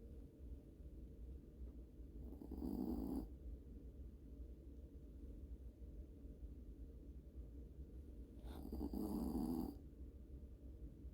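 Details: Sleeping Yorkie snoring: two low, rumbling snores about six seconds apart over a steady low hum.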